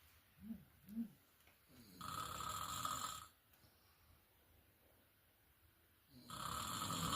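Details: Two long, harsh, rattling breaths a few seconds apart during sleep, with quiet between them; snoring.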